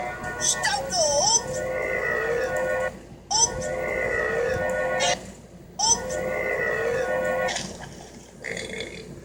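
Three long, loud, drawn-out voiced burps, each lasting a couple of seconds, with a brief sound at the end.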